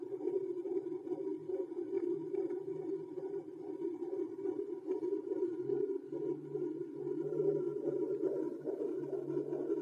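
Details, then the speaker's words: Rapid rhythmic whooshing pulses of a fetal heartbeat, about 130 a minute, picked up in the mother's belly by a home fetal Doppler bought online. "Всем привет народ в начале ролика видели как этот прибор работает то есть надо просто знать в больнице когда делают музи Вы наверное слышали как сердце у ребёнка стучит в животе вот такой же звук надо просто найти найти дома и будете слушать как стучит серд"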